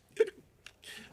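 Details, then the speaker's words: Adult hiccup during a council meeting speech, after the speaker says he has the hiccups: a single abrupt, involuntary voiced catch, a faint click and a short in-breath. "You'll have to excuse me, I got the hiccups. So, every now and then you'll hear me."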